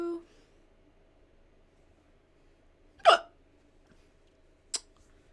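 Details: Hiccups during a livestream: two sudden, sharp, brief catches a few seconds apart in a quiet room.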